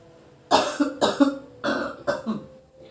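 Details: Effective (controlled) cough taught to an adult male patient in a nursing demonstration, coughing into a sputum pot after three deep breaths in through the nose and out through the mouth: four strong deliberate coughs in two pairs.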